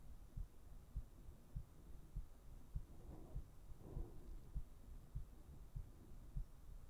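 Soft, steady, regular thumps at about 100 beats a minute over a low hum. A normal heartbeat.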